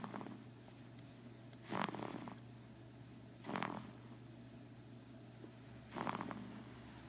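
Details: Snoring: three short, snorting snores about two seconds apart, with a soft rumble between them.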